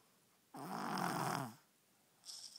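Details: Baby girl snoring, louder than her father: one vibrating snore lasting about a second, then quiet and the start of another breath.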